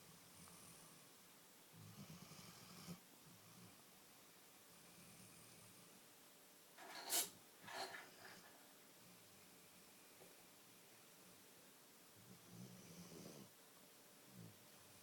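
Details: Soft, irregular rumbling breaths with snuffling noises while sleeping and snuggling; snoring.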